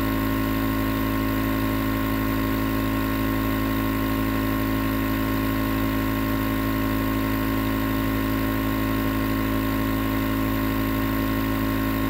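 Steady mechanical hum with a low buzzing rattle from a running nebulizer compressor, continuous and unchanging throughout.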